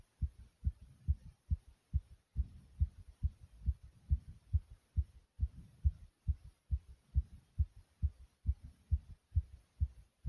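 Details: Fast, strong, regular heartbeat of about 135–140 per minute, recorded right after nearly 100 jumps in place; sinus tachycardia after exercise.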